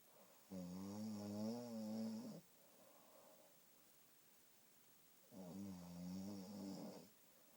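Two long, loud, buzzing snores on the breath in, with quiet breathing between them in a still room.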